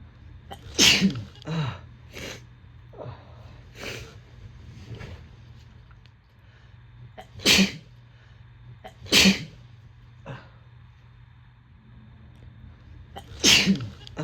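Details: Sneezing fit: repeated forceful, harsh sneezes, several loud bursts with smaller snorts between them, over a low hum.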